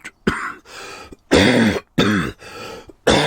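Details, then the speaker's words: Adult man who has been ill for a long time gives a run of about six sharp, very dry coughs and throat-clearing bursts, without rattle. "that a very dry cough that"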